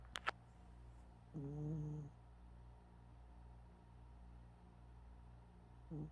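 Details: Sleeping cat snoring loudly: low, buzzing snores on the in-breath, about two in six seconds, over a steady background hum.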